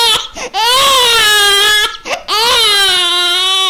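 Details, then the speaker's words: Infant recorded during a bath: two long, clear cry bouts with brief inhalations between; a discomfort cry, not pain. "Enregistré lors d'un bain, hein, donc il n'est pas bien en train de souffrir, il est juste en situation d'inconfort."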